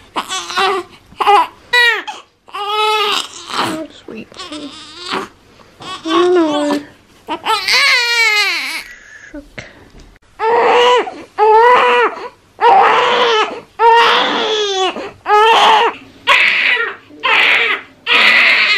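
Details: Three-week-old baby boy, parent suspects colic, inconsolable and recently hiccuping: repeated loud, high-pitched crying bursts separated by brief gasps, sustained and inconsolable-sounding.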